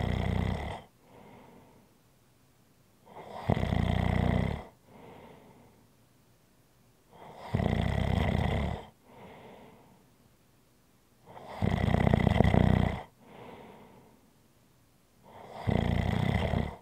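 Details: ASMR relaxation recording: loud, rattling snores on each in-breath, about 15 breaths a minute, with a softer sound on each out-breath. Steady snoring.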